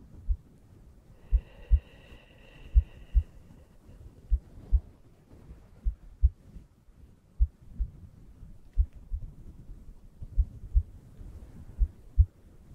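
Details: Soft, regular low paired heartbeat thumps, about 42 to 45 a minute, over a faint hum, with a brief tonal sound early on; an ASMR heartbeat recording for relaxation.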